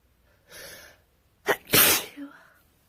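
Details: Sneeze during a winter cold: indrawn breath, then a single sharp explosive sneeze with a short voiced tail.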